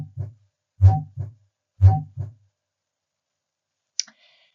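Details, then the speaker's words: Heart sounds at about 60 a minute, heard with the stethoscope diaphragm at the aortic area with the patient supine or sitting: a harsh early-peaking crescendo-decrescendo systolic murmur after S1, the early peaking indicating mild, early aortic stenosis. "early aortic stenosis is an early peaking harsh diamond shaped murmur and is considered mild aortic stenosis because of the early peaking"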